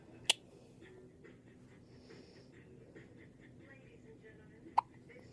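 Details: Two short, sharp hiccup sounds about four seconds apart with quiet room noise between: a baby's first hiccups.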